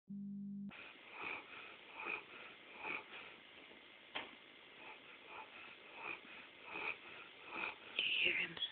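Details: Sleeping Saint Bernard dog snoring: regular, soft, rough snoring breaths, about seven in eight seconds.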